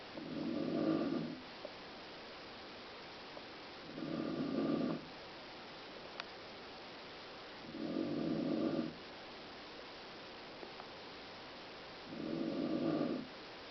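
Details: Adult woman (mother) snoring: regular snores about every four seconds, roughly 15 breaths a minute, each a short buzzing breath in, with quiet pauses between.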